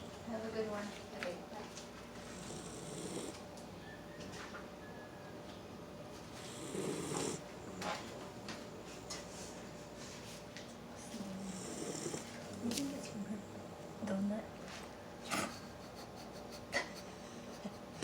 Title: 10 weeks old doberman snoring like a giant.